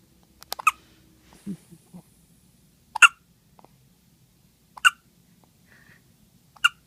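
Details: Hiccups in a 2-day-old newborn: short, sharp, squeaky hiccups at irregular intervals, about four or five in seven seconds, with soft fussing sounds in between.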